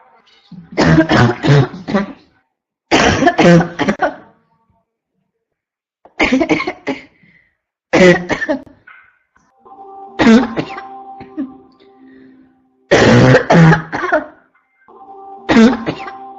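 Repeated harsh, barking coughs in rapid bursts with brief pauses between runs, nearly continuous coughing.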